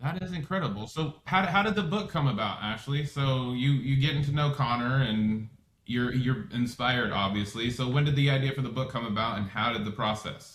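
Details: Adult man speaking; typical speech.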